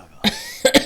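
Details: Three short, sharp cough bursts from an adult who reports a blocked nose, the last two in quick succession, with a quiet room in between: a brief cough.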